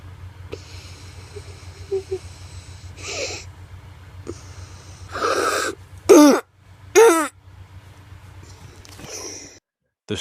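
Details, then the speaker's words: Child with croup: harsh barking coughs between noisy, high-pitched stridulous breaths; croup (barking cough with stridor). "what sets croup apart from other viral respiratory infections is the strider embarking cough let's take a listen to what this sounds like"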